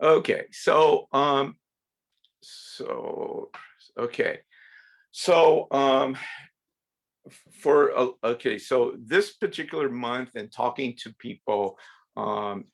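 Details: Adult woman from Sweden who stutters; stuttering.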